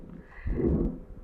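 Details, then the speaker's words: Asymptomatic pregnant woman with a ventricular septal defect, not cyanotic, no clubbing, normal neck veins and ECG, told she has pulmonary hypertension: loud, harsh classic holosystolic VSD murmur, with a faint second heart sound audible. "she's not cyanotic uh not no clubbing and you do hear that classic vsd holosystolic murmur when you listen to"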